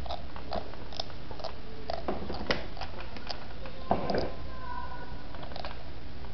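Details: Short, gritty clicking and scraping bursts repeating irregularly: an infant grinding teeth (bruxism) during teething.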